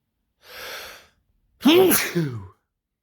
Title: Sneezing and build ups (M)